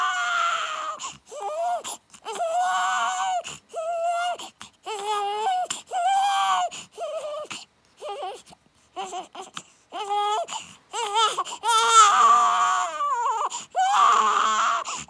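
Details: Newborn baby girl, 5 days old, crying: repeated high-pitched crying bursts separated by brief breaths; a normal newborn cry.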